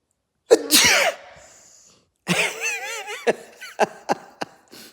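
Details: One forceful sneeze followed by a wavering, whining sound and a few sharp clicks, a sneeze response.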